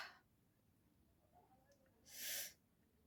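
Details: A single brief, hissing, soft sneeze after a quiet pause, induced by poking the nose with an ear-cleaning stick in a sneezing challenge without a hanky.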